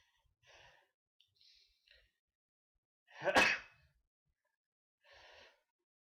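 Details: Sneeze: a few soft inward breaths build up, then one sharp explosive sneeze, followed by a quiet outward breath.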